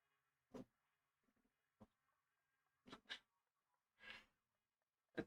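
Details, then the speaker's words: Dog snoring in the background of a live stream. "If you can hear that the dog is now snoring in the back."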